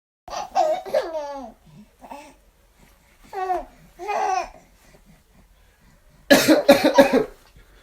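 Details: A father's deliberate coughs making his infant daughter laugh: high, gliding infant squeals and giggles, then a quick run of about three adult coughs.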